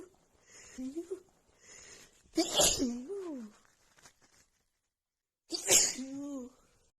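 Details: An adult woman's sneezing fit, with a runny nose after an hour outside in cold snowy weather plus dust: two sharp sneezes, each preceded by a breathy gasping build-up and followed by a trailing vocal sound.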